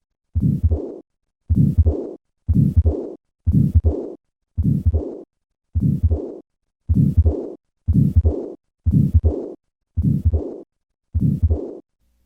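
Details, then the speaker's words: After tetralogy of Fallot repair: regular beats about 60 a minute, each with a harsh systolic murmur then a softer diastolic murmur of pulmonary stenosis and regurgitation. "however even after successful repair patients are at risk of late sudden death when their qrs approaches 180 milliseconds listen once again to the murmurs of pulmonary stenosis and regurgitation"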